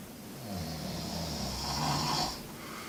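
One long, low, rattling breath with a throaty vibration; typical snoring.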